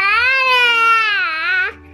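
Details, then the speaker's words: Six-month-old baby girl, sick with a cold and runny nose, tired and fussy, gives one loud, sustained wailing cry. "She's really in a mood, so it seems like she's tired again."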